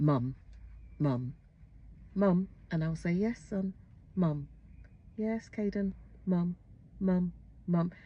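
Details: Mother imitating her 9-year-old autistic son's echolalia, which began about two weeks earlier after returning to school, alongside his delayed speech and language; echolalia (imitated repetitive word use).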